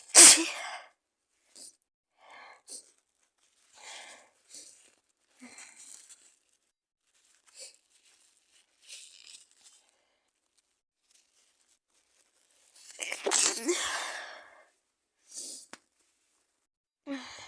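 Two forceful sneezes, one at the start and one near the end, with quiet sniffs and rustling between; sneezing.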